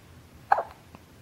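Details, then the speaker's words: Person ("buddy") with hiccups: one short, sharp, abrupt hiccup in a quiet room, followed by a faint softer catch; hiccups. "when you got the hiccups you got the hiccups and there's no denying it"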